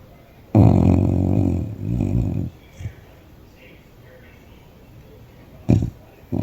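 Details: A senior dog snoring while resting: a long, low, rattling snore, followed by a quiet pause and the start of the next snore.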